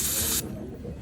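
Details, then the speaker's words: Dental air-syringe blast: a short, sharp hiss of compressed air under half a second, drying adhesive during a class III composite resin restoration on a laboratory practice model. "A gente aplica sempre mais de uma camada, mas aqui no laboratório também não tem necessidade. Joga jato de ar"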